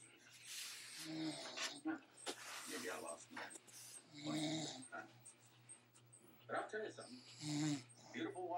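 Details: Mother snoring in her sleep: rough, rattling snores every few seconds with noisy breaths between, faint room noise in the background.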